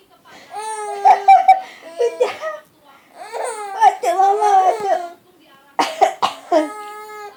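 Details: A few short adult coughs from a mother, each followed by hearty infant laughter; ordinary cough.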